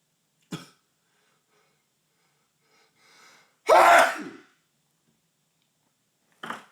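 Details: Tickly nose in a male: a quick breath in, a faint build-up, then one loud explosive sneeze, followed by a short sound.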